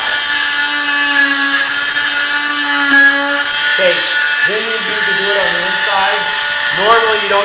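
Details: Striker oscillating cast saw (oscillates rather than rotates) cutting a hardened cast off a dog's leg in a veterinary teaching demonstration, with speech over it; loud steady high-pitched whine. The animal is normally anesthetized for this.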